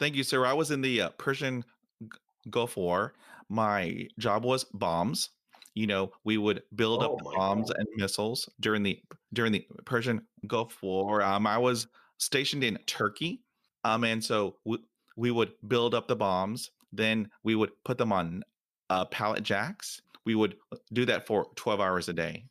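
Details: Stuttering in a 47-year-old man who has stuttered since fifth grade, with repetitions and fillers heard.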